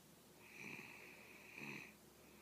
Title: Snoring frenchie